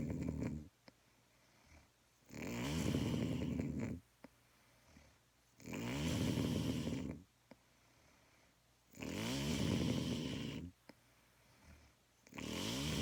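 Loud, low, fluttering snores on each breath in, about 18 a minute and fairly regular, with a faint hum in the room.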